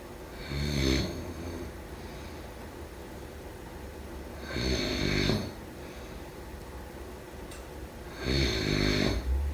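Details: Sleep snoring: three loud, rattling snores on breaths in, each about a second long, roughly 16 breaths a minute; ordinary snoring.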